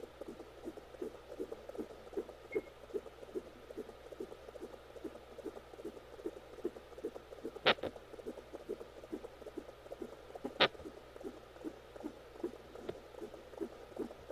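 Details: Fetal hiccups on Doppler: fast whooshing fetal heartbeat broken by a few sharp isolated jolts.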